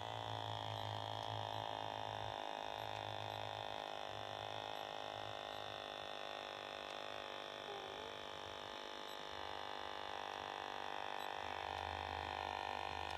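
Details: ReliOn or Omron wrist blood pressure monitor held over the heart: steady motor hum with pulsing pump noise as the wrist cuff inflates, measures and releases; the retried reading was 129/74 mmHg, pulse 81.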